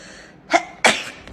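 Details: Two quick sneezes from a compilation of K-pop idols sneezing, a short indrawn burst then a stronger explosive one; plain sneezing.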